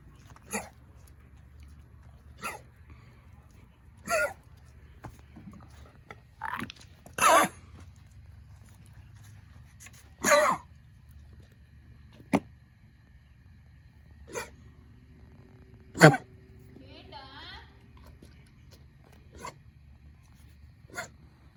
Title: Dog coughing ☹️